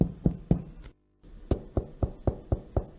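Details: Repeated hollow finger-tap percussion notes over the chest, middle finger in an intercostal space along the ribs, struck like a piano key, bilateral and symmetric: the normal resonant note of air-filled lung.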